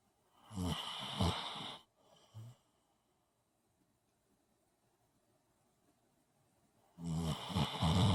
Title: Snoring away the afternoon